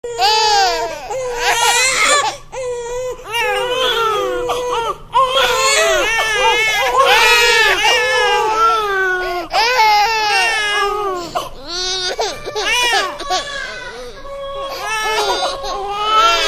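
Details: Stock sound-effect recording of an infant crying: loud, sustained, wavering baby cries in repeated bursts with brief breaths between.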